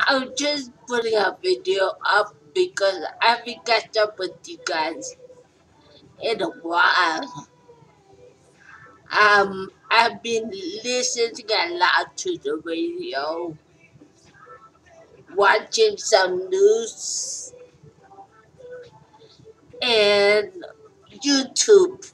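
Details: Adult stroke survivor speaking; post-stroke speech impairment.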